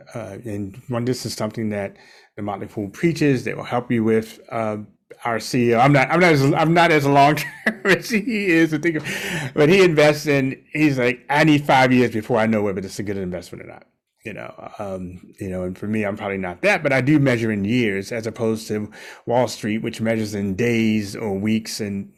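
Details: Adult male speaker; normal speech.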